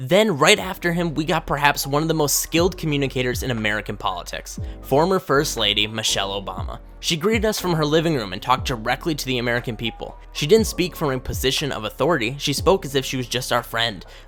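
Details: Adult speaker; normal speech.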